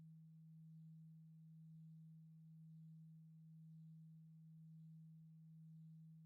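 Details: Hearing test tone, companion audio for a spreadsheet: a faint, steady low pure tone that swells gently about once a second.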